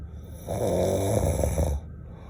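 One loud, low, fluttering snore on an in-breath, lasting just over a second, against quiet room noise.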